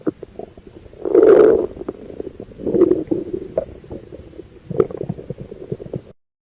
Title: Auscultación abdominal| Ruidos Hidroaéreos| RHA| Borborigmos| semiología de abdomen.